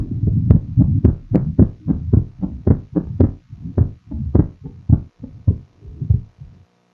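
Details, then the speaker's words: Paediatric atrial septal defect at left upper sternal edge near pulmonary area: regular heart sounds, soft ejection systolic murmur and split second sound (fixed splitting uncertain). "You hear the ejection, first heart sound, ejection systolic murmur, and the fixed, you can't say fixed or not, but the splitting you can hear."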